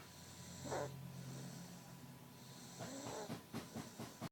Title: Snoring :D